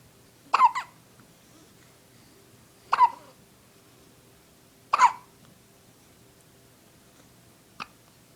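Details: Two people in a hiccup contest; three abrupt hiccups about two seconds apart, then a fainter fourth, in a quiet room: hiccups.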